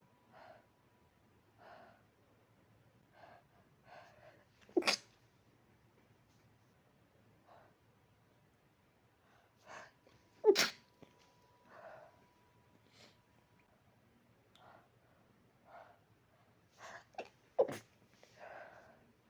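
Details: Someone holding back sneezes: three loud, sharp sneeze-like bursts with short catching breaths between them in a quiet room; sneezing.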